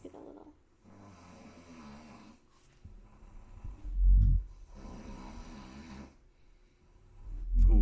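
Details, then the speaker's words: Father snoring, recorded as podcast background audio: two slow, low, rumbling snores on inhalation, several seconds apart; ordinary snoring. "The reason we chose our name, Nothing to Snore At, is because our entire background music is snoring. From our father."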